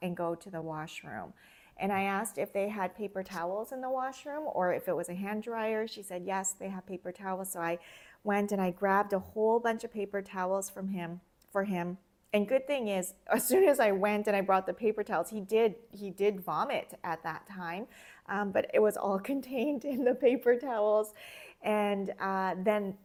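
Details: Adult woman speaking; normal speech.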